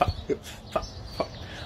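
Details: Four short, sharp clucking sounds in quick succession from a person with Tourette syndrome, a stand-up comedian: involuntary animal-like vocal tic.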